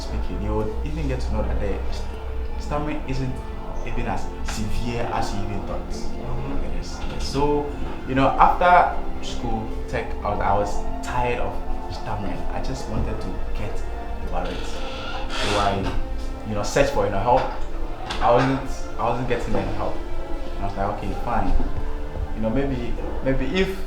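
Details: Adult male speaker; stammering.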